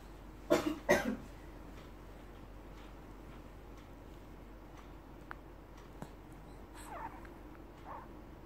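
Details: Adult woman (an aunt) gives two quick, loud coughs, followed by quiet room noise and faint soft sounds, disturbing someone's long sleep.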